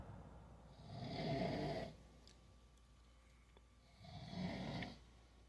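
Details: Adult man (dad) snoring in sleep: two loud, low, rough snores on breathing in, about four seconds apart, with quiet breathing between.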